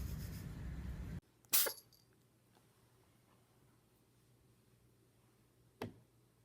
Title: The best compilation cats are sneezing 2016 #1